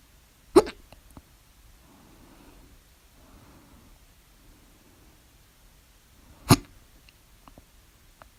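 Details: Hiccups at 3:04 a.m. after overeating at dinner, recorded with the mouth closed and open: two loud, abrupt hiccups about six seconds apart, with quiet breathing between.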